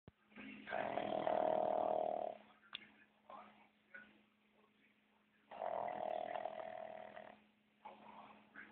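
Loud rattling snores about two seconds long, separated by quiet pauses of several seconds, in a sleeping pet.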